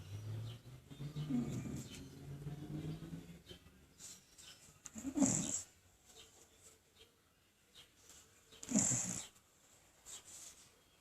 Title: Snoring and sleeping like a boss